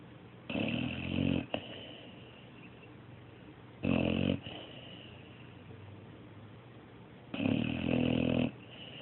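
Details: Snoring with three rough, throaty snores about a second each, spaced irregularly over nine seconds with quiet breathing between.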